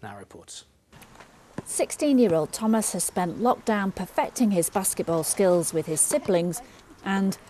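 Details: Adult female reporter; Normal fluent speech.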